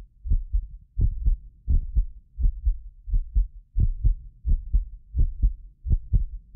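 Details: Heartbeat of a medically fit person recorded with several precision contact microphones: clear, regular lub-dub about 86 a minute; occasional doubled clicks are a ~6 ms microphone-delay artifact. Normal heart sounds.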